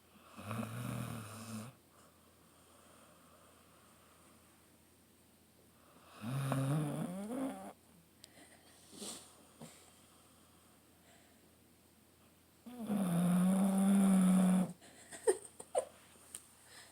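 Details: An about 11-year-old female basset/beagle mix in fairly good health, asleep; three loud, low, rattling snores about six seconds apart with quiet breathing between: snoring.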